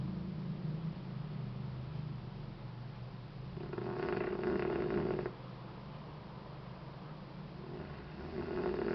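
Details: A sleeping baby snoring: soft, rattling, purring snores in a quiet room, with one louder snore in the middle.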